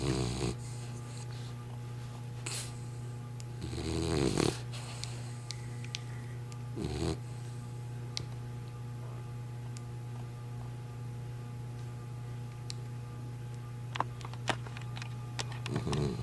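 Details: Dozer, a sleeping dog, makes irregular snorting snores and rough breaths over a steady low room hum, with a few clicks; snoring.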